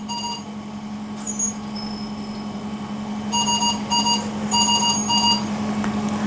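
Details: Ventilator high airway pressure alarm during an acute care mechanical ventilation troubleshooting session: repeating bursts of high electronic alarm tones over a steady machine hum.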